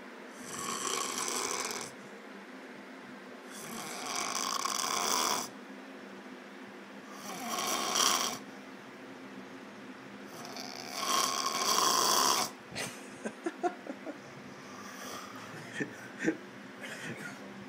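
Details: Loud, airy, rasping snores about every three to four seconds, then clicks and snorts as breathing shifts; heavy snoring in someone asleep after a night at the club.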